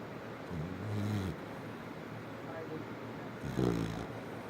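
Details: Sleeping Labrador Retriever snoring: two low rumbling snores about three seconds apart over steady background hiss.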